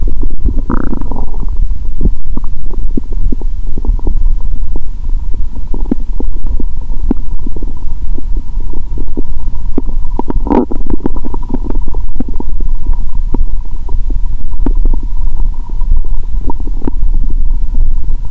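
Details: Stomach growl heard through a stethoscope on the abdomen after more than 15 hours of fasting, while eating Mentos during a cola-and-Mentos session; she says the growl is amazing. Bowel sounds.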